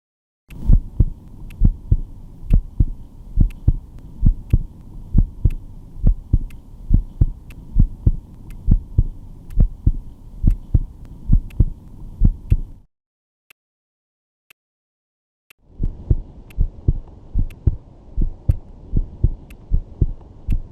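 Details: Cardiovascular auscultation for clinical skills: steady, regular lub-dub heart sounds through a stethoscope, with a short silent break midway and a low hum; heart sounds.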